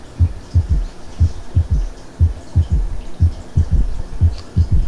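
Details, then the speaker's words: Teaching recording at low volume: first, second and third heart sounds in a three-beat galloping rhythm, an extra soft sound just after S2; third heart sound (S3, ventricular gallop). "mientras seguimos oyendo con mucho gusto aunque con bajos volúmenes pero que ya le han subido el primero un segundo y tercer ruido cardíaco poco a poco con poco"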